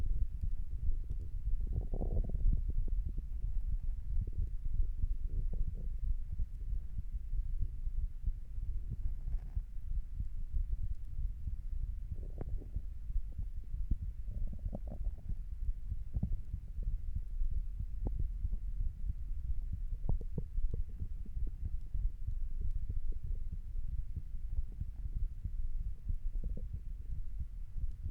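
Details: Usual heart sounds recorded lying down: soft, muffled low heartbeat thumps under steady low rumbling; normal heart sounds.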